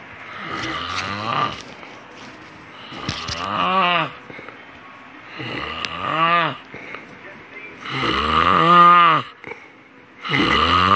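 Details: A boyfriend snoring: rough, rattling snores with voiced groaning ends, recurring about every two to three seconds; ordinary snoring.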